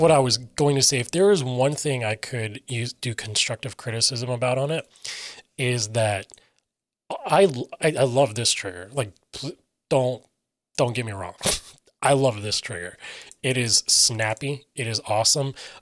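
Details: Adult male with self-reported aphasia: difficulty articulating intended meaning and getting words out, sometimes substituting words then trying to get back to the intended one, describes his own speech as scattered; aphasia.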